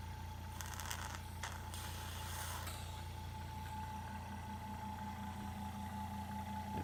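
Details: Suction pump checked just before tracheostomy suctioning in a nursing demonstration, after hyperoxygenating the patient at 100%: steady motor hum, constant high tone and brief hissing bursts.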